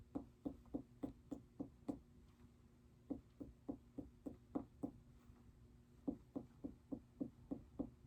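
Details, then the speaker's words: Nursing physical assessment of a female patient: quick finger taps over several abdominal spots in three runs of six to eight strikes, each a short hollow note; abdominal percussion following bowel-sound auscultation. "The next thing I'm going to do is I'm going to go ahead and I'm just going to percuss over a couple spots on your stomach. So that means I'm just going to take my finger and I'm going to tap all over your stomach, okay?"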